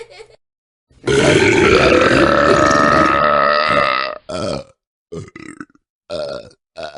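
One long, loud, rumbling belch lasting about three seconds, then several shorter burps; belching from a sound-effect collection.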